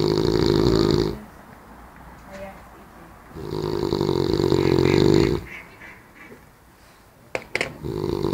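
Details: Adult heavy snoring: loud, rough, rattling snores lasting a second or two with quiet pauses between them.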